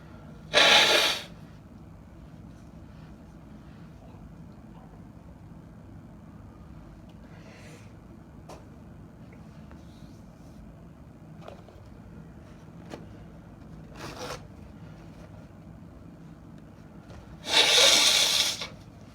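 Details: Person with repeated sneezing: two sharp, forceful sneezes well apart with a softer third between them, in a quiet room.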